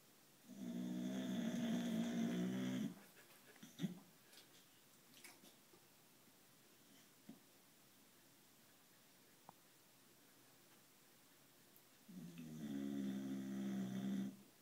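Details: White Boxer dog sleeping, giving two long, loud, rattling inspiratory snores separated by a quiet pause.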